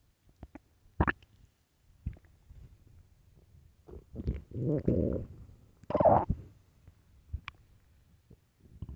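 Loud gurgling and rumbling bowel sounds in bursts, with squeaky and bubbling notes; ordinary stomach growling.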